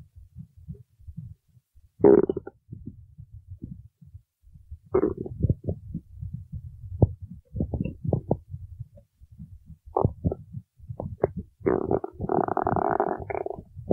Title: stomach growling while singing